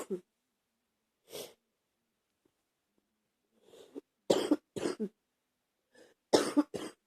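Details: Adult with a bad cold, the first in over a year: several harsh coughs, some in quick pairs, plus throat clearing.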